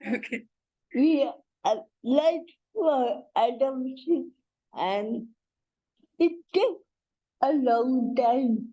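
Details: Adult woman and mother with cerebral palsy: dysarthria (cerebral palsy).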